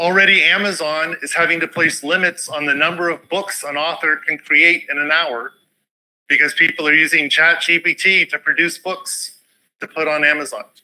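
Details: Adult male speaker; normal speech.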